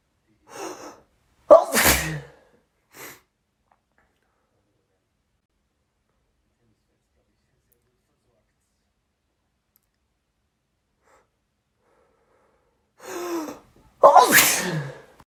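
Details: Day one of a cold, evening: two ordinary sneezes, each a short inward breath then a sharp burst, separated by a long quiet gap; sneezes all day with massive fits mornings and evenings.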